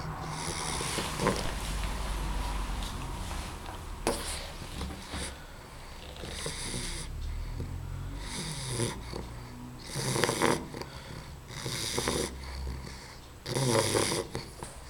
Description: Babs snoring when she was a puppy. Hear the level she's allready making at that age.